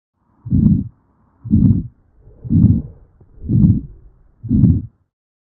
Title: Auscultation of the heart